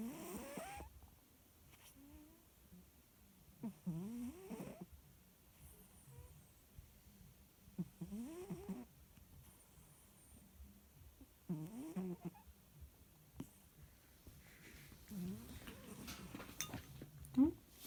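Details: A sleeping female cat snores softly and irregularly about every four seconds, with faint purring and room noise between the snores.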